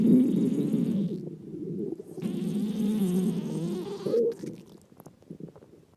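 Low, gurgling rumbles with buzzing, bubbly runs fading into quiet, typical stomach growling.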